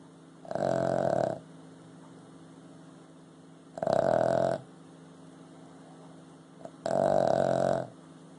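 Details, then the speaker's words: Boston Terrier snoring while asleep: three loud, rattling, buzzing snores about three seconds apart, roughly 20 a minute, with quiet pauses between. "Hey, Lou. Who's snoring? Louie, you snoring."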